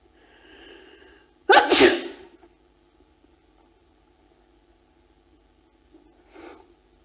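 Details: Female sneeze from a 1999 photography project where subjects were induced to sneeze and tried to suppress it: single loud explosive sneeze after a brief breathy intake, then a faint second breath.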